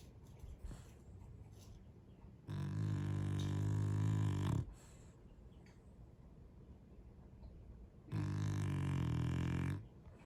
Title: 療癒的打呼聲❤️ snore